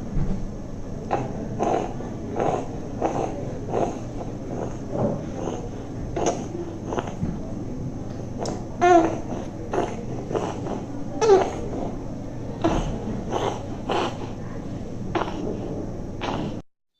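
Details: Child with noisy breathing possibly since birth, suspected congenital airway issue mimicking asthma unresponsive to treatment: rapid noisy breathing with a single-pitched musical monophonic expiratory wheeze.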